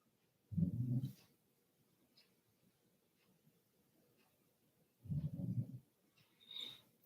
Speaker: This damn dog snores so freaking loud. I don't know if you can hear it, but she's fucking loud, man.